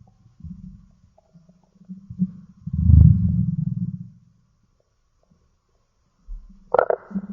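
Low, gurgling rumbles that swell and fade over several seconds, typical stomach growling from gas and fluid moving through the gut; a normal finding.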